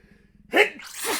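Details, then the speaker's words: Acted sneeze by a male reader while reading aloud a story passage about pepper in the air: a quick indrawn gasp, then a single loud explosive sneeze with a breathy tail. "there was certainly too much of it in the air even the dutchness she sneezed occasionally"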